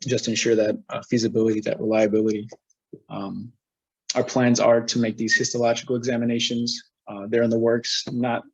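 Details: Adult male presenter; normal speech.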